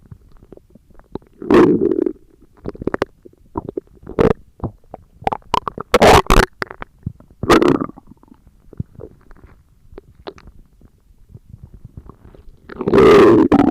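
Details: ASMR recording of stomach growling: loud bubbling gurgles and long rumbles in repeated bursts with quieter squelches between; vigorous borborygmi.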